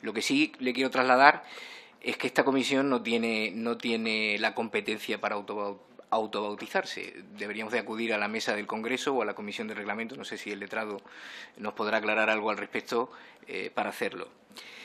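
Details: Adult man speaking Spanish; typical speech.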